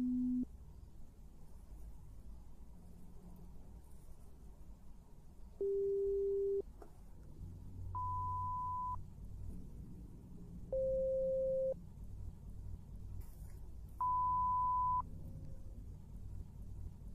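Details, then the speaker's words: Simulated ASMR hearing test, mixed both-ear and single-ear beeps: five steady one-second pure tones at varying pitches over faint room noise. "I want you to tell me when you hear it in both ears more individually and when you hear it individually I want you to tell me which ear you hear it"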